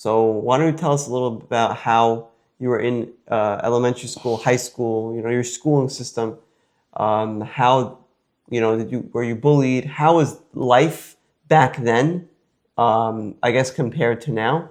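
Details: Adult male speaker; normal speech.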